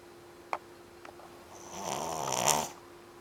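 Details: 3-month-old puppy asleep after a long day playing at the beach: one drawn-out, raspy, fluttering snore over a steady room hum; snoring.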